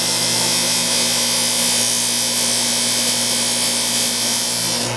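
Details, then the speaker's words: Dental model trimmer turned on and brought to speed, grinding down the base of a plaster master model for a Locator R-tx denture: loud steady grinding roar with constant motor hum. "So go ahead, we're going to turn the machine on. Let it get to speed. First thing we want to do is go ahead and trim out our base."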